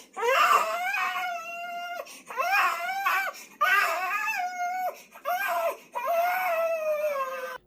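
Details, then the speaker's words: Baby about 50 days old crying intensely for over two hours, irregularly for several days; parents suspected colic: loud, high-pitched wailing in repeated long bouts with brief gasps between, like gasping for breath. "생후 50일 무렵 아기 울음소리가 응행 수준이 아니라 진짜 숨 넘어가듯이 마치 세상이 무너지는 곡소리처럼"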